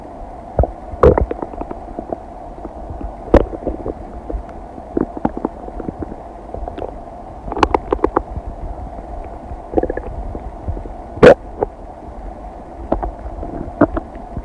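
Frequent gurgles, squeaks and pops from the belly during digestion; ordinary bowel sounds after a meal.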